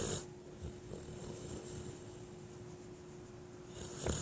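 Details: Sleeper snoring: soft snoring noise on the breath with a faint steady hum in the room; ordinary sleep snoring.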